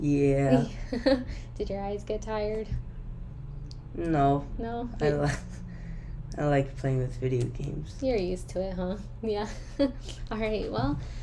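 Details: Voluntary (simulated) stuttering: a female clinician deliberately fake-stutters in a fluency therapy demonstration, with small, chosen repetitions or prolongations.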